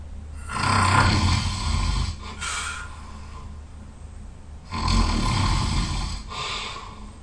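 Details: Person snoring when very tired: loud, rough, low rattling snores on breathing in, two long snores in about seven seconds, with quieter breathing between.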